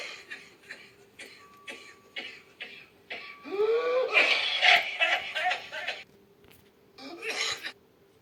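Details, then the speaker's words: Child with prolonged cough: run of short, dry, intense paroxysmal coughs, then strained noisy breaths and crying. This illustrates a paroxysmal dry cough with scant viscous mucus and possible vomiting at the end of the fit, as in mycoplasma pneumonia. "Наиболее яркими клиническими симптомами является сухой приступообразный интенсивный кашель который появляется с первых дней болезни сопровождается выделением незначительного количества вязкой слизистой мокроты"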